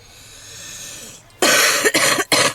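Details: Woman smoking in a car, with strong smoker's cough and loud lung wheezing on almost every inhale: after faint background noise, three harsh, forceful coughs in quick succession.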